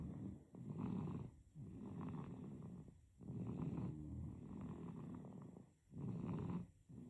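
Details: Sleeping baby: soft, low, rumbling snores with each breath, about 22 breaths a minute; infant snoring.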